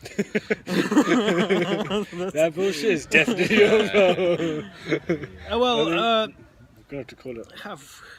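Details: Adult who stammers, one of the hosts of a stammering podcast, openly disclosing the stammer. Stuttering.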